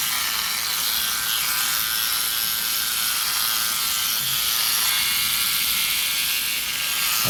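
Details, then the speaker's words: Motorised microneedling pen used shallowly on a patient's face after CO2 laser ablation for acne scars, making light channels for PRP: steady high-pitched mechanical buzz with rapid ratcheting pulses. "then what you need to do is you just do a small amount you don't need to do really deep we don't need to go too deep with the micro needling because we've already created i just want to create some light channels"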